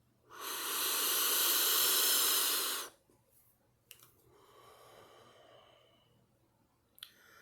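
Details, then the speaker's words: Inhaler use after a sore throat spray: a steady hiss of about two and a half seconds as the inhaler is drawn in, then a quiet breath out and faint clicks. "Okay, sore throat spray. Inhaler."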